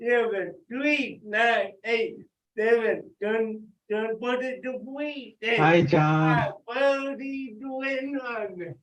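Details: Adult with cerebral palsy, dysarthria; loud call-out during a live group workout.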